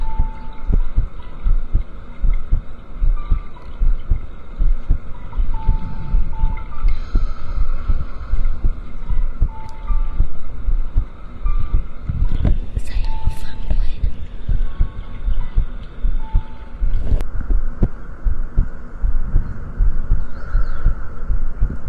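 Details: Normal heartbeat heard over the left side of the chest during a live stream: steady low thumps at about 78 a minute, with intermittent tonal beeps in the background.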